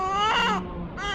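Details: A baby's first cry at birth: a short, clear newborn cry that rises and then trails off into a softer wail.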